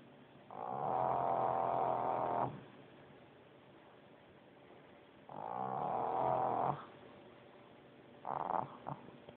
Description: Izzy the pug doing her usual snore. What's funny is her eyes are wide open!